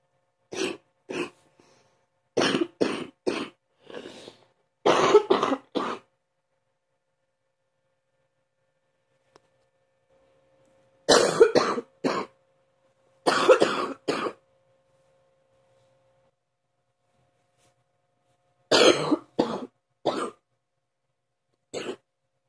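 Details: An adult coughs in the morning in repeated bouts of deep, forceful coughs, with quiet pauses between fits; deep cough.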